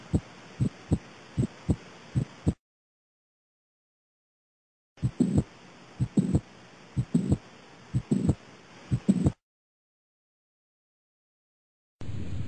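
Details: Heart auscultation through a stethoscope: regular paired low thumps at about 62 a minute, with short gaps in the recording; normal heart sounds.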